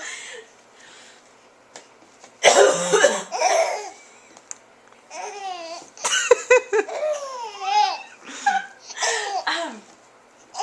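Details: Woman giving a couple of deliberate, harsh coughs despite a sore throat, followed by an infant's squealing, rising-and-falling giggles in response; recorded on a Flip Video camera; voluntary cough.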